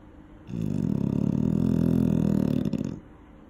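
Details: An eight-month-old female dog sleeping near a safety barrier gives a single long, loud, rattling snore with a low buzzing quality over about two and a half seconds; loud snoring.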